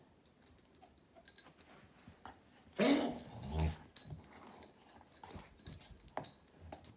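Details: Cough recorded on October 17.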